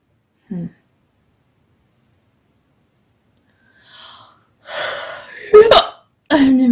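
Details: Hungry female late at night, not yet having had dinner: a few short, abrupt voiced catches in breathing with quiet room sounds between; hiccups.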